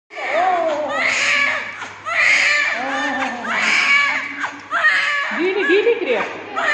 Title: So cute! Cries of new born baby